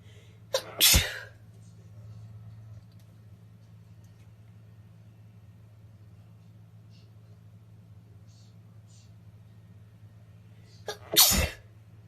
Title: Snotty sneezing